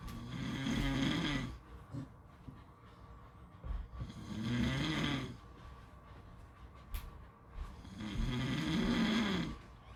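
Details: Three loud, rough snores on the in-breath, about 16 a minute, with quiet pauses between them and light background noise, possibly at a beach; snoring.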